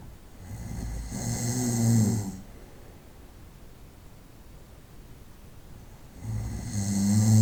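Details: Nighttime snoring from a sleeping adult: loud, low, rattling snores on inhalation, about six seconds apart with quiet between; ordinary snoring.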